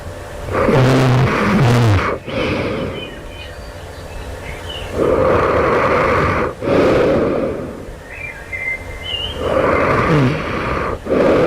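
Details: Loud, rough, rattling snores on each in-breath, about 14 a minute, with quieter out-breaths, recorded right before awakening at night; sleeper wonders whether it suggests developing sleep apnea: heavy snoring.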